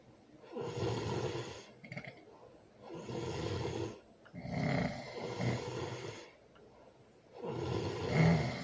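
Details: Loud, rough snoring with a baby nearby: three long rattling breaths separated by quieter pauses.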